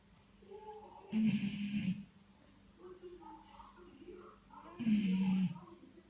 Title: Bully snoring